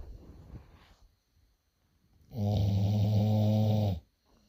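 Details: A sleeping pit bull dog snoring: one loud, steady, rumbling snore lasting about a second and a half after quiet breathing.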